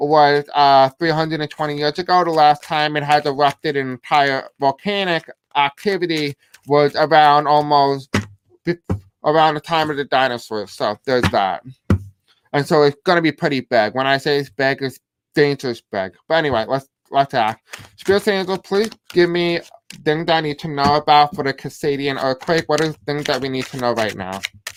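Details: Male speaker who self-reports a deaf accent and difficulty pronouncing certain words; deaf speech.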